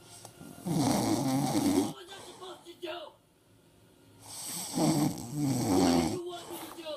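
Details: Snoring during sleep: loud, rattling in-breath snores with pauses between, faint music in the background.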